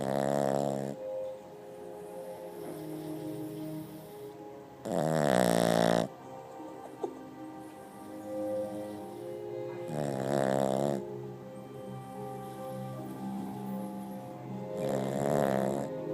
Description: This dog snores like a 400 pound man!!